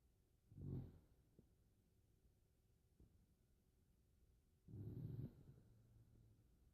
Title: Eskimo Snore Champion